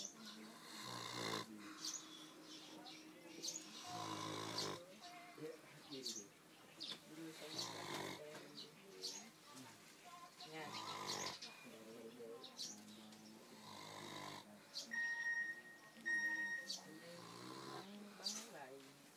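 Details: A sleeping dog snoring lightly: repeated soft, nasal, whistling breaths with voices in the background.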